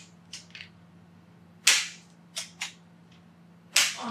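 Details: Repeated sharp popping cracks in quick bursts during a chiropractic spinal adjustment of a woman with tight traps, rhomboids, upper back, neck and shoulders; joint cavitation, a normal release of gas from the joints.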